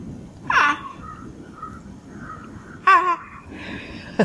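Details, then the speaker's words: 88-year-old woman demonstrating the "art of sneezing": two voiced exaggerated sneeze-like cries, deliberate imitation rather than a real sneeze. "okay it sounds much much more attractive than what I just demonstrated well I think that's all I have to say about sneezes"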